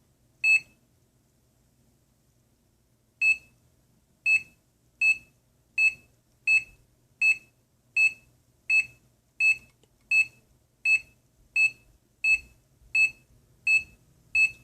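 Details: Sharp beeps from a piezo buzzer on a homemade basic two-lead EKG heart monitor (MT-1000), one per detected heartbeat while the user holds both leads steady; after a short gap, about 83 a minute, fairly regular, in a quiet room.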